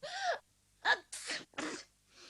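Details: Simulated sneezing fit from the animated character Anne in Japanese-language cartoon audio, with dialogue suggesting she may have caught a cold: a few drawn-in, gasping breaths building into sharp, sneeze-like bursts.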